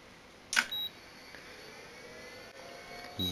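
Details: A click and short high-pitched electronic tones, with a faint steady hum behind, as a Nihon Kohden 7100K portable defibrillator made in Japan in 1989 switches on and still works: defibrillator power-on beeps.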